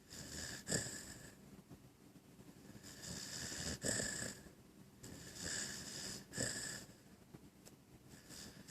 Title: Puppy snoring